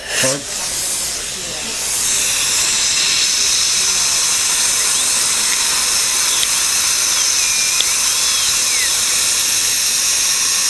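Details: Root canal on a crowned front tooth with a dead nerve and a large jaw-bone abscess, using plenty of water: a high steady whine with hissing water spray, speed dipping and rising as it cuts; dental drill.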